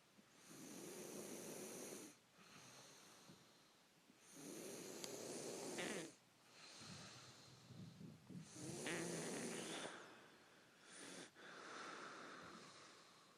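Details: Profuse snoring during sleep: slow, loud, rasping breaths in and out, about 15 a minute, some with a snorting edge.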